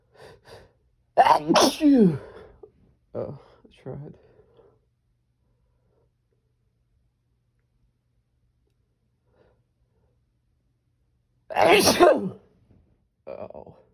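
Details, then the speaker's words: Adult's strong, desperate sneezes, some stifled: two forceful sneezes, each with a quick breath-in and loud burst, followed by short sighs, after "I'm gonna sneeze"; sneezing. "Oh. Achoo. Oh. I'm gonna sneeze. Achoo."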